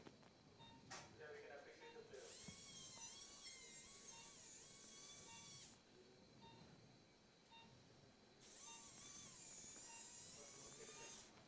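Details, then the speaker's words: Biportal endoscopic (UBE) spine surgery at L4-5: two bursts of high-pitched motor whine from a surgical drill as the surgeon drills the base of the spinous process, with quiet room noise between the bursts. "So, you see the vision. I'm drilling the base of the spines."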